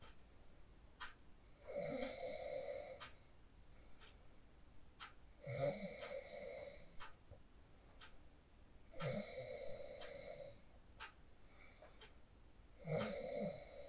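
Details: Snoring from a person sleeping after practicing the 4-7-8 breathing technique, recorded on a phone: four rattling inspiratory snores, about 17 breaths a minute, over faint room hiss; ordinary snoring during sleep.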